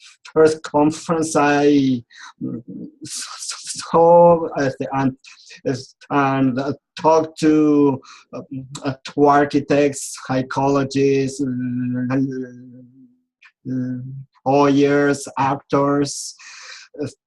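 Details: Adult man who has stuttered since age 4 and still clearly stutters; speech therapy and support groups helped him; stuttering.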